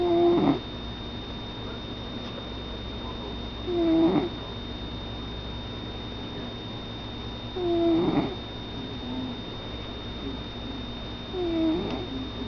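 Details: Sleeping pet cat snoring regularly, about 16 breaths a minute, each with a brief squeaky, whistling note, over steady room hum; snoring.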